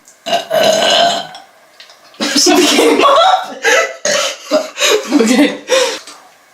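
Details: Person drinking milk: one long loud burp followed by a run of shorter burps mixed with voice, in a quiet room.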